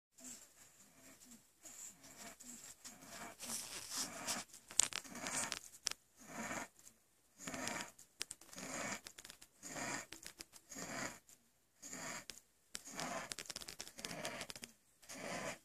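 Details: A sleeping baby having an asthma attack: fast, harsh, noisy wheezing breathing at around 55 breaths per minute.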